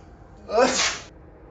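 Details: Husband sneezing, wife saying "bless you" and fearing he has flu: a single loud sneeze, a brief voiced intake then a sharp hissing burst, in a quiet room; sneezing.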